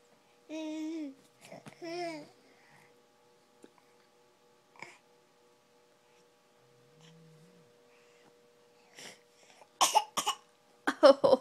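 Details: Infant's voiced babbling, then several short, forced cough-like bursts made on purpose: a baby's voluntary (fake) cough.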